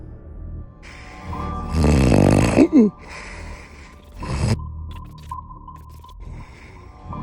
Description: The loudest snoring you’ll ever hear.